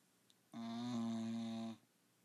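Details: A single steady, buzzing, voiced snore lasting about a second, in a quiet room; snoring.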